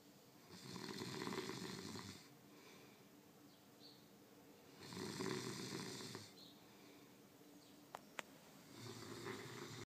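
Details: Heavy snoring from a sleeping roommate, loud rattling snores on each breath in about every four seconds with quiet gaps between; snoring.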